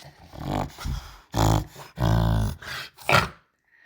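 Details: Female bulldog, Roxie, making repeated loud, rough inward snorting breaths in quick bursts, as if forgetting to breathe; reverse sneeze.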